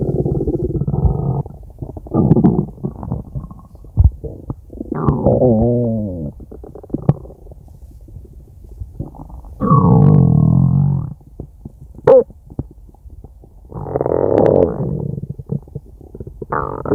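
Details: Long, low, gurgling and creaking growls in several bursts with quiet gaps: ordinary stomach growling from gas and fluid moving through the gut.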